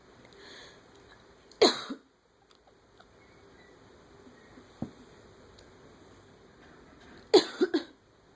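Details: A person coughs and their pet cat vocalizes in response.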